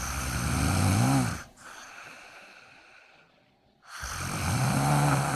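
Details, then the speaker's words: Kuvasz dog dozing off, claiming to be meditating, snoring: two loud rough buzzing breath sounds separated by a quiet pause. "yeah right you are not sleeping but just snoring"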